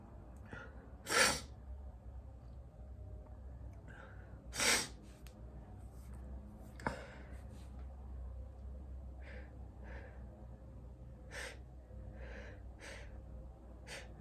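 Two sharp sneezes a few seconds apart, then softer sniffs and breaths over steady room noise.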